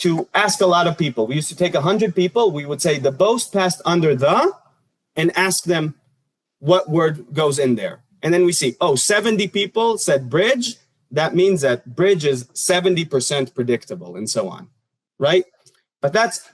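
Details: Adult male speaker; normal speech.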